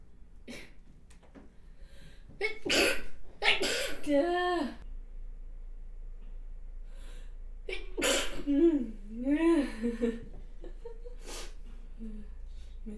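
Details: Two loud, forceful sneezes from an adult woman, each a sharp inward breath then a voiced, wavering burst; she describes her sneezes as unusually powerful, not girlish.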